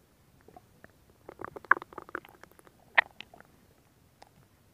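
Brief burst of gurgling, bubbling pops from the belly, then quiet; ordinary stomach growling.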